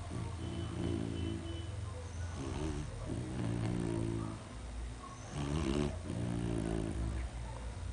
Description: sugar asleep and snoring